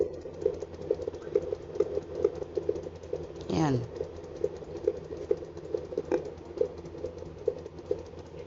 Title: 22 weeks 12.14.24 fetal Doppler